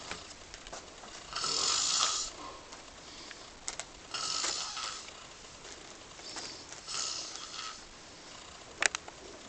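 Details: Snoring in sleep: slow, irregular noisy breaths with rough snoring on the in-breath, about 23 a minute, over quiet room noise.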